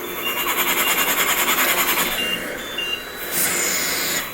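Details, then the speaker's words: A male patient with a tracheostomy on a cough assist machine: rapid rhythmic 'ta-ta-ta' fluttering from the oscillator feature shaking his lungs on insufflation, followed by device beeps and steady airflow. "And you might hear the kind of ta-ta-ta-ta-ta-ta on his. This has an oscillator feature that also serves the purpose of shaking his lungs."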